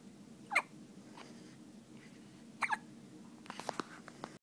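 Two sharp, brief hiccup sounds a couple of seconds apart over steady room noise, followed by soft clicks.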